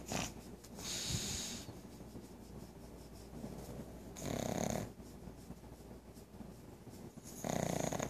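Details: Pug snoring loudly: loud, rough snorting snores about three times in eight seconds, with quieter noisy breathing between them.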